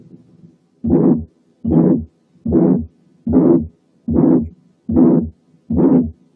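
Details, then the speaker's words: Severe aortic stenosis: long harsh ejection systolic murmur with each beat, about 74 a minute, with a weak, barely audible second heart sound from a rigid, calcified valve. "لاحظوا ان في حالات السيفير ايورتيك ستينوزيس السكند ساوند بيكون ضعيف ويكاد يكون مش مسموع، لان الفالف بيبقى ريجيد وكالسيفايد وما بيقفلش وما بيفتحش كويس، والواحد ما يسمعش الا بس اللونج ايجكشن سيستوليك مامر تقريبا من غير سكند ساوند."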